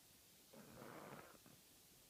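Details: Snoring: a single rough, rattling snore lasting about a second rises from quiet room noise, then fades with a softer trailing breath.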